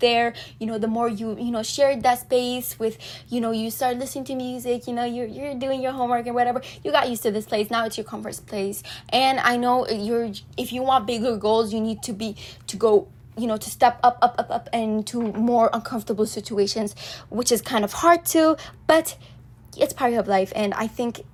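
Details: Teenage girl who says she stutters a lot, with social anxiety and nervousness while recording; English is her second language, Arabic her first; stuttering.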